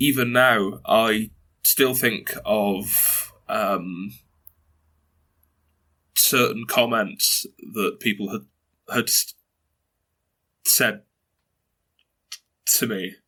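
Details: Stuttering in a 22-year-old man who has stuttered since early childhood and reports blocks and repetitions; his mother also stutters.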